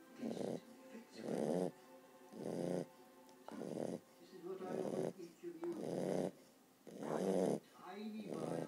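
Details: Sleeping puppy snoring in steady, rhythmic bursts of about 52 breaths a minute, with a slightly squeaky edge.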